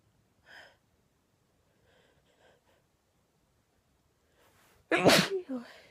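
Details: A female sneezing, with itchy throat afterwards: quiet breaths, then a single loud, forceful, harsh sneeze trailing into a short vocal release.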